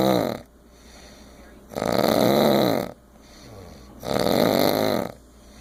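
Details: Snoring: loud, tonal, buzzing snores about 28 a minute, each about a second long, with quiet breathing between them.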